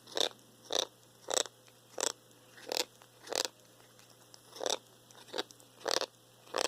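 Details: Cat losing weight, eating poorly, with normal blood tests and teeth already cleaned, making strange noises while chewing: repeated sharp crunching clicks with each bite, about 100 a minute, with an odd extra noise; cause undiagnosed.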